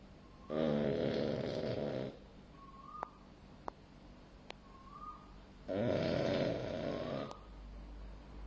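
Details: Male French Bulldog born August 2020, asleep in a quiet room: two long, rough, rattling snores about five seconds apart, with quiet whistling squeaks on the breaths between; dog snoring.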